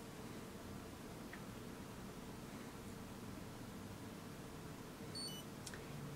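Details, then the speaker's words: Brief high electronic beep from a blood glucose meter signalling it is ready after a test strip is inserted, before testing a pet rat's blood sugar from the tail tip; quiet room hum; glucose meter beep. "When I put the test strip in, it turns on. It takes a few minutes to calibrate, but it will beep when it's ready."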